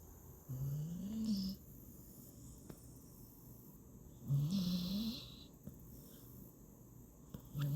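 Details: Sleeping female Staffy (bully breed) rescue puppy gives two slow, rising low snores, about 18 breaths a minute, with quiet gaps between; snoring.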